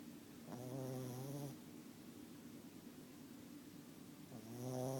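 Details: Snoring during sleep: two long, vibrating, nasal snores on the in-breath, with a quiet out-breath between them.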